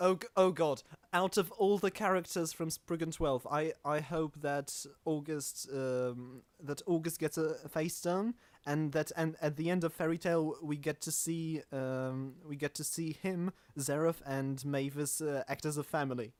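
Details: Real stuttering in a self-described stammering podcast host.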